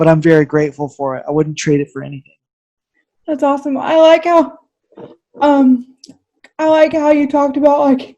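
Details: Two adults talking, one lower-pitched and one higher-pitched voice; ordinary conversational speech.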